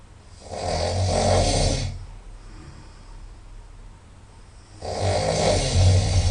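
Two long, loud, rattling snores through the nose, separated by a quieter exhale; typical heavy nasal snoring.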